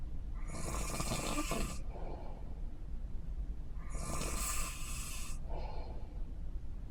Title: Snore cruise 2